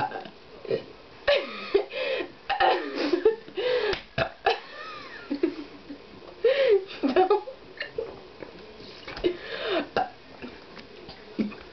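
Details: Repeated drawn-out, croaking voiced belches with laughter between them, after drinking orange soda at 4 in the morning; burping.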